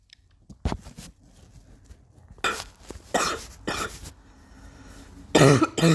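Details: Persistent cough.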